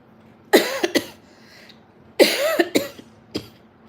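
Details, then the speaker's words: Two bouts of short, harsh coughs, two or three bursts each, then a single brief cough, in a quiet room, from a woman with a hoarse voice taking Vicks lozenges; an ordinary cough, no cold yet. "ताईचा आवाज जरा बिघडलाय पण त्याला काहीच नाही फक्त normal एक खोकला झालाय सर्दी पण नाही अजून होईल होईल मला असं वाटतं"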